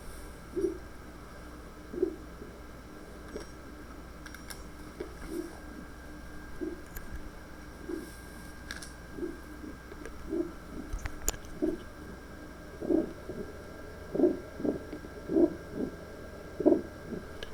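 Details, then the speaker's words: Hepatic vein spectral Doppler in a normal case, soft low pulsing whooshes in cardiac rhythm with systolic component larger than diastolic plus the transitional v component: normal hepatic vein Doppler flow sound. "bien ese es el sonido de la onda de atrás y acá nuevamente el componente arterial normal componente sistólico más grande que el diastólico y el componente de transición el componente v"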